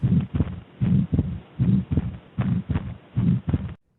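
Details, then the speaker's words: Atrial septal defect with left-to-right shunt: soft mid-systolic pulmonary flow murmur at about 77 beats a minute with a split second heart sound, regular rhythm. "an atrial septal defect causes a systolic murmur listen to this murmur now"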